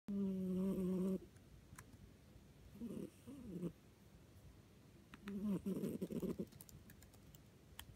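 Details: Cat named in title with stertor: noisy, loud breathing with a low, rattling, snore-like noise on several breaths; owner notes cat was sick at the time and has since recovered.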